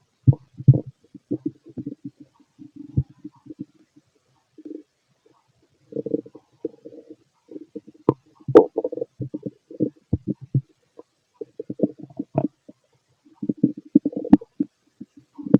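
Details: Stethoscope over the stomach of a fit adult male digesting pastry, chicken, curry, bread, milk, eggs and pasta: frequent low gurgling and rumbling bursts, ordinary active bowel sounds.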